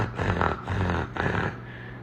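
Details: Adult imitation of upper airway congestion, contrasted with wheezing and stridor: a low, rattling, snorting noise with each breath, typical of harmless mucus congestion.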